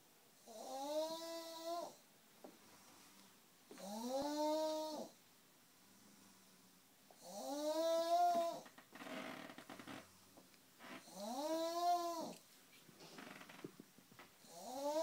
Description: weird but funny snoring after a Pink Party !!!!!!!!